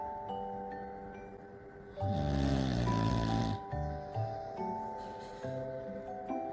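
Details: Sleeping English bulldog, a habitual snorer during sleep, gives a loud rumbling snore and a few shorter snorts, with soft chiming music throughout; snoring.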